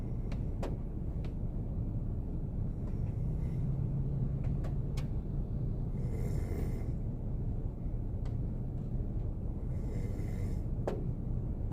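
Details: Korean boyfriend sleeping in a car on a snowy day, snoring: soft, low snoring breaths under a steady rumble of snow or rain on the car with occasional ticks.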